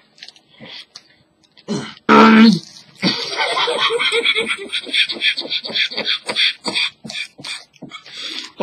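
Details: Cough from a man during the chubby bunny challenge (mouth stuffed with marshmallows), recorded on a low-quality webcam; very loud.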